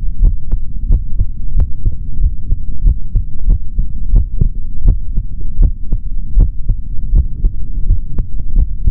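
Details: Male heart heard through a stethoscope: steady low heartbeat thumps about 75 beats a minute with a low steady hum behind; normal heart sounds.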